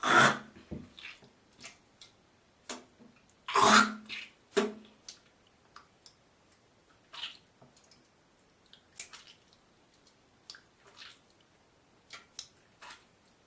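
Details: Girl coughing, hawking and spitting: several harsh coughs and throat-clearing hawks, then quieter clicks and spitting sounds in a small room.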